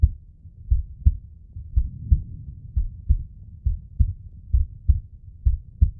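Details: Slowed, dramatised heartbeat sound effect with deep, regular paired lub-dub thumps at about 63 beats a minute; heartbeat.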